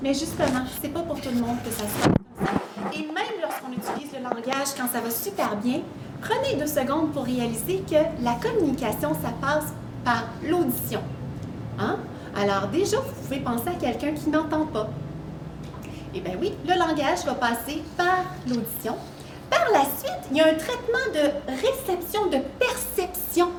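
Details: Adult woman speaking French; ordinary speech.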